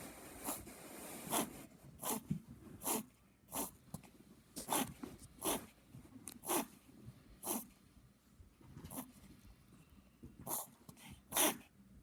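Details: Puppy reverse sneezing: a run of about a dozen short, sharp snorting intakes of breath through the nose.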